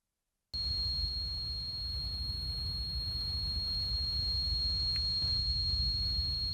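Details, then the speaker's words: Simulated tinnitus played as one example of its many possible sounds, during a GP's talk on ear problems: a steady, piercing high-pitched tone over a low background hiss, imitating constant ringing in the ears. "We're going to listen to what tinnitus sounds like. Now, it is quite an unpleasant sound, so just a warning, you might want to turn your volume down now because it is quite an unpleasant sound. So there are lots of different sounds of tinnitus."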